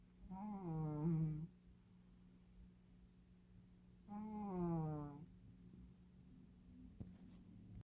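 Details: Sleeping cat snoring twice, each a buzzing, tonal noise about a second long, over a steady room hum.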